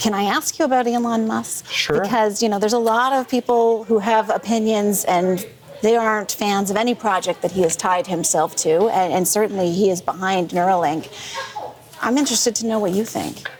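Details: Adult woman speaking; normal speech.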